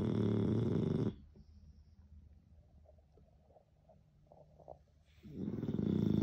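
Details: French bulldog snoring: loud, rough snore bursts at the start and end, with quieter breathing between, typical of a short-nosed dog.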